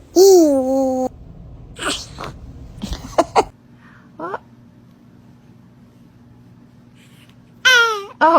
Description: This baby’s sneeze is the cutest thing you’ll see today 💖💨